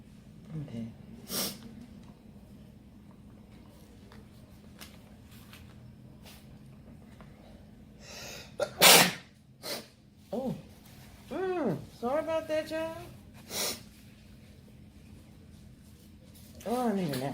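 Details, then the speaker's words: Woman's sneezing fit after inhaling red pepper while eating: several forceful sneezes with short gasps and groaning voice between them. "Ooh, all that pepper got me. The pepper got me. Oh, I done messed myself up."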